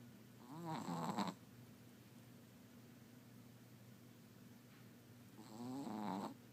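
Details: A sleeping Chihuahua, dreaming and snoring loudly, gives two soft, whistly, fluttering in-breath snores about five seconds apart, quiet between.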